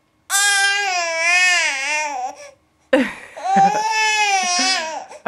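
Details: Infant fake crying to get mother's attention, with no tears: two sustained, tonal cry bouts with a brief pause.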